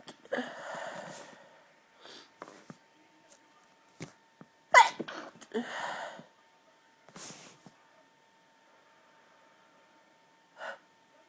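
A series of muffled, held-back sneezes with short breaths and catches between them; forceful stifled sneezing.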